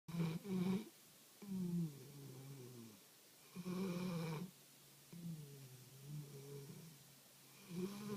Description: Our puppy, Boo, snores A LOT, but always denies it.